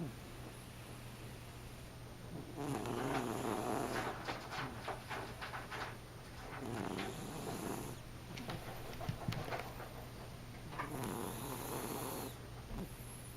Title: Snores